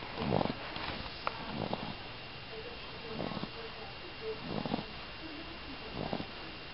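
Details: A 14-week-old puppy snoring very loudly in sleep: repeated harsh, snorting breath sounds over a steady background hiss.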